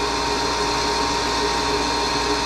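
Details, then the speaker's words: Steady whooshing motor and airflow noise of a wet-ring dental vacuum pump running continuously with its inlet blocked off, so almost no air flows; vacuum poor (about 14) and temperature climbing from 98 to 108 degrees. "the problem with that is when it's blocked off see we're not getting really any air flowing through it"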